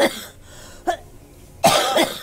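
Three short cough bursts: one at the start, a smaller one, then a louder double cough. A plain cough.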